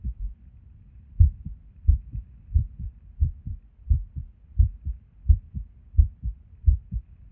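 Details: Resting heartbeat recorded at Erb's point while sitting at a desk, described as skippy lately: low paired heart thumps about 87 a minute with uneven spacing, irregular rhythm with skipped beats.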